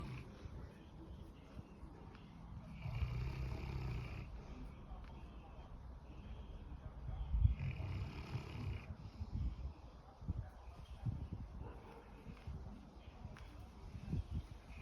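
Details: Sleeping dog, sound asleep: deep, rumbling low snores repeating every few seconds over steady background noise; heavy snoring.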